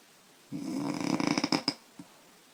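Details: A single loud, rattling snore from a sleeping 25-year-old woman, who says she snores loudly after drinking beer, with fluttering vibration breaking into separate snorts toward its end; snoring.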